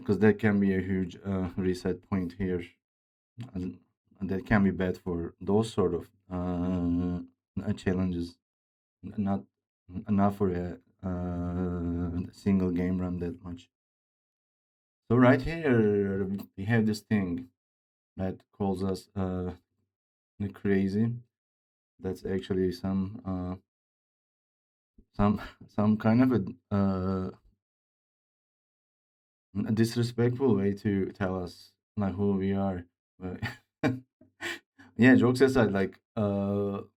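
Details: Man who reports his own speech disorder, type not named, and says it is much worse than a game character's; real, disfluent speech; speech disorder (disfluent speech).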